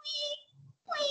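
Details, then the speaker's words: Vocal imitation of a wheeze in a pulmonology class on bronchopulmonary dysplasia in neonates: two squeaky, musical voiced bursts likened to a creaking hammock. "es como un chirrido de hamaca. Así es una sibilancia."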